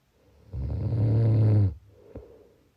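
One loud, rumbling snore on the in-breath lasting over a second, then a quieter out-breath; snoring.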